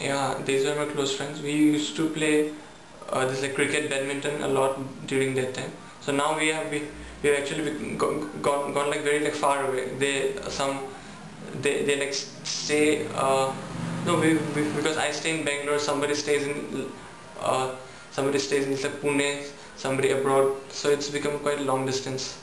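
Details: Young adult male student recorded before stammering therapy, who says he gets stuck when nervous; stuttering.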